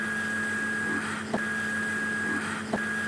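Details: CUSA (Cavitron Ultrasonic Surgical Aspirator), used in liver resection and neurosurgery, in run mode with foot-switch irrigation and suction always on; steady hum, high whine and soft clicks about every 1.4 seconds.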